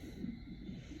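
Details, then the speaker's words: Woman in hospital being induced for labor with her first baby, a boy: faint, rapid, whooshing fetal heartbeat on the monitor in the room's background, described as strong. "yeah in the background you can hear like that's the baby's heartbeat his heart beats strong and he's doing really good"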